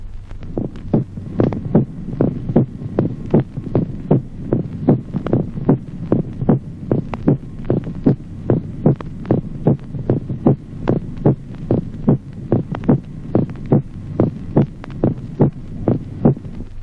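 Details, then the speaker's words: Steady heartbeat near 74 a minute with a loud, sharp, reinforced second heart sound: an accentuated S2. "Ejemplo 27o. Reforzamiento del segundo ruido cardíaco."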